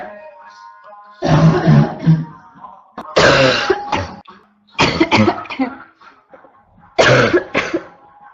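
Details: Woman with a constant cough gives four harsh, loud, low-pitched coughing bursts in about eight seconds, back to back, over faint tonal background sound; barking cough.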